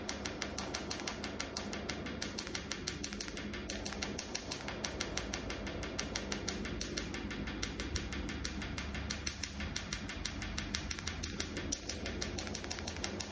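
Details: Laser tattoo removal device pulses: rapid, regular, sharp clicking snaps at about 73 a minute over room hum.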